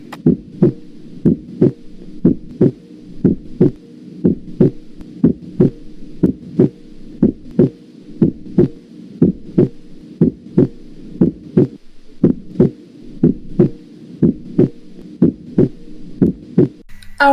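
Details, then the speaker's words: Steady paired heart sounds at about 60 beats a minute, recorded with a stethoscope for a cardiac auscultation lesson, highlighting the normal second heart sound (S2). "ahora continuamos con el segundo ruido cardiaco"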